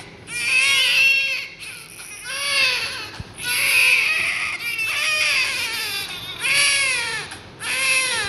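Repeated loud, high-pitched wailing cries of a newborn, about 20 cries a minute, with short breaths between them.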